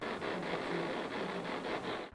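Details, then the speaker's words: Adult woman with cervical dystonia receiving Botox injections in her neck and shoulder: dense crackling static from EMG amplifier when the needle touches tense, overactive, hypertrophied muscle, used to pinpoint injection sites. "he also uses this electrogram to pinpoint where to give the injections the meter sounds like this when he touches the tense"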